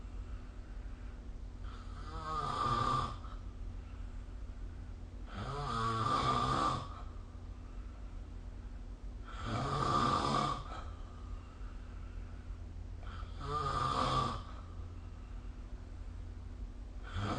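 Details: Snoring recorded with the SnoreLab phone app: loud, rattling snores recurring about every four seconds, roughly 16 a minute, over a steady low room hum.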